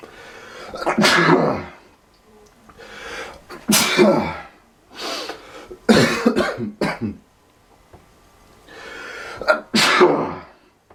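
Four or five forceful, harsh bursts in a row with short gaps. Repeated sneezing, close in character to coughs.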